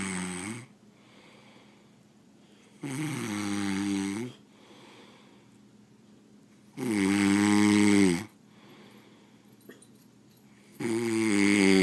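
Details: Person asleep snoring habitually: loud, rough, buzzing snores with each breath in, about 16 a minute, separated by quiet exhalations.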